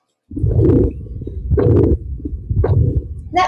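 Heartbeats at about 56 a minute with a loud whooshing murmur over each beat, a left ventricular outflow obstruction murmur.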